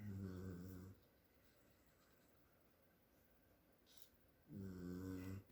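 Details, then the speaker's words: Pet dog snoring while asleep: two low, rumbling snores separated by a few seconds of quiet breathing. "And if you can hear the snoring, for once, that is not Willow, that is Jasper."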